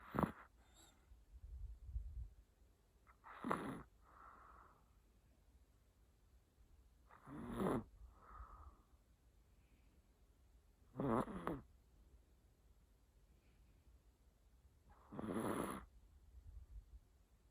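Soft snorting breaths recur about every four seconds, with quieter breath sounds between: snoring in a sleeping pet.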